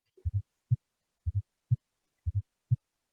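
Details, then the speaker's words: Veterinary teaching recording of gallop rhythm: all four heart sounds audible, low thumps at about 60 a minute with beats split into close pairs, like a galloping horse. "Keempat suaranya itu muncul semua. Ya. Seperti derap kuda itu ya."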